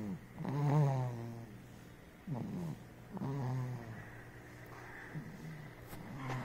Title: Baby Snoring